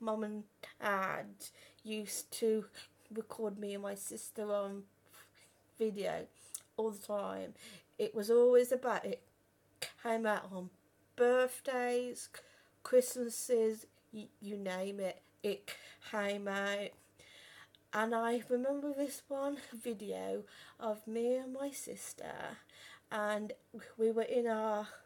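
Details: Real stuttering in a 32-year-old woman who has stammered since about age five or six; had speech therapy and learned breathing techniques at 15; reports still being at her worst on the phone.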